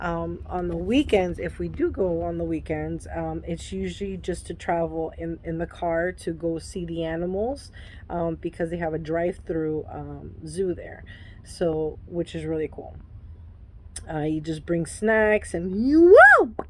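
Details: Adult woman with Tourette syndrome whose tics act up when she records herself; sudden interjection-like vocal tics. Vocal tic (Tourette syndrome).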